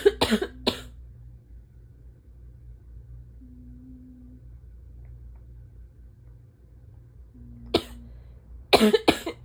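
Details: Adult's harsh, explosive morning barking asthma cough, five bursts in two clusters with a quiet gap, with sneezes; attributed to early fall allergy season, pollen low to medium.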